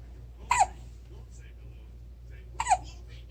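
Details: 4-week-old baby with hiccups: two sharp, brief hiccup sounds about two seconds apart, each a sudden voiced catch, in a quiet room.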